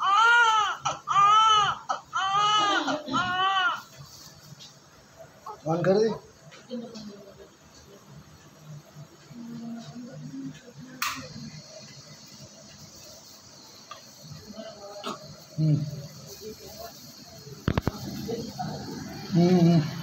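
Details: Newborn born with much amniotic fluid and secretions, airway cleared by suction with oxygen given: strong rhythmic cries at first, then quieter whimpers amid room noise and voices, a newborn cry.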